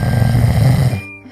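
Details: A nurse's husband snoring loudly.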